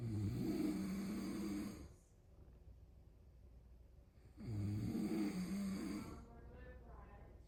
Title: This is how my Lolochu Snores